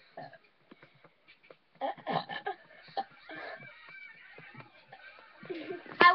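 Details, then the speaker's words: Burping contest between people taking turns: several short guttural belches, some run together, faint voices between and a louder burst at the end; one participant claims to have won. "Oh, hold on. No, you just burped. Okay. Yeah! I think I won."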